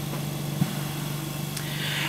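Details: A veterinary Canta Intelligent V 8 L/min oxygen concentrator in operation while its timer is being set: steady low mechanical hum with faint hiss, normal running sound.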